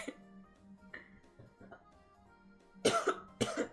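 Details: Two loud coughs over background music from an adult streamer sick with COVID, voice hoarse; coughing during a respiratory illness.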